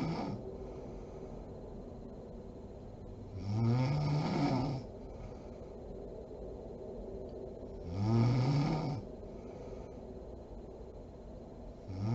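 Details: Deep, rattling snores on the in-breath, about one every four to five seconds, from a sleeping adult woman (mom), with quiet room noise between; snoring.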